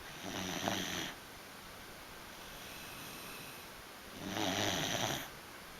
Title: Snoring beagle..